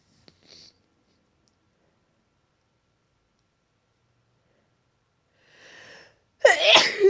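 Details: Adult waking congested with a tickly nose, possibly a cold, deliberately inducing a sneeze: quiet sniffs and a soft breathy build-up, then one forceful sneeze in a quiet room.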